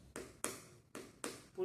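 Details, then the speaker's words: Four percussion taps over the abdomen give a hollow, drum-like tympanic note, the expected normal finding; the note turns dull when something is inside. "Porque quando eu bato, esse é o som que eu quero ouvir, um som oco."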